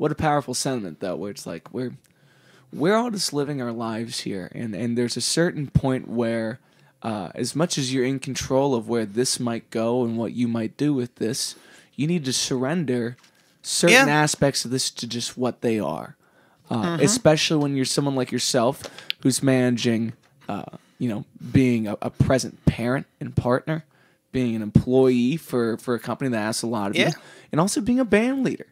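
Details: Adult male speaker; normal voice.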